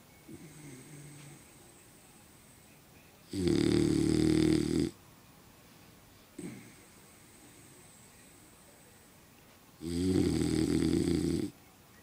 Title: Snoring dog